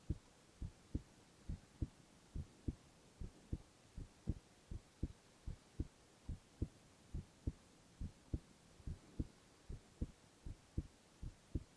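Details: Male ASMR heart-sound recording with no talking: clear, regular lub-dub at about 70 beats a minute over a faint hiss; normal heart sounds.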